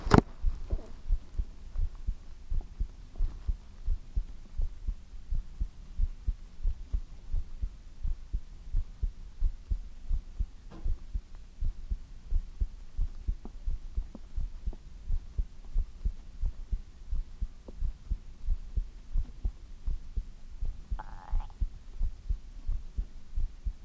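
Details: Steady, deep heartbeat thumps at about 88 beats a minute in an ASMR recording, a normal heartbeat.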